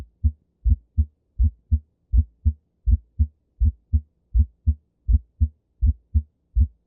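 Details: Regular heart sounds at about 82 beats a minute with a split first heart sound (S1), usually a normal finding but can be heard in right bundle branch block.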